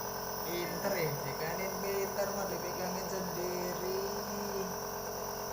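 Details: Nebulizer compressor running during therapy for a child with cough and cold, given to loosen phlegm and ease the throat: a continuous buzzing hum with faint voices and a cartoon-like sound behind.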